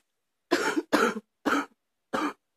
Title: # 89 this morning deep cough